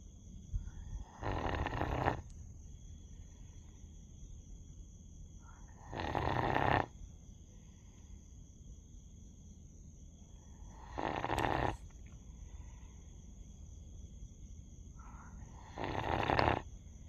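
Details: Sleeping dog with four loud, rough snoring breaths about every five seconds, roughly 12 a minute, with quiet pauses between; snoring.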